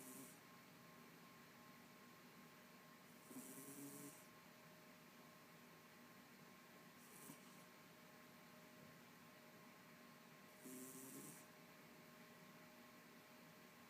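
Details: Tango snoring in bed: three soft, slow snoring breaths with a faint whistle over steady room hum; snoring.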